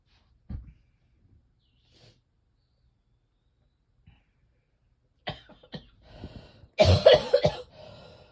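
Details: After quiet breaths, a rapid cluster of harsh, heavy coughs builds to a loud burst: repeated coughing from chest congestion in a person whose chest feels like cement, coughing themselves sick.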